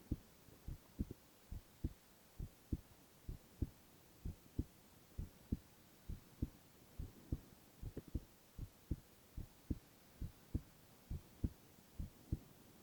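Steady paired heart thumps at about 67 beats a minute, regular rhythm, over a faint hum; normal heartbeat.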